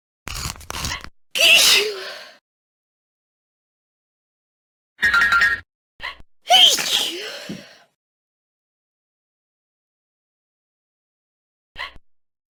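Several separate sharp sneezes, each with a short in-breath before the burst, with pauses between them.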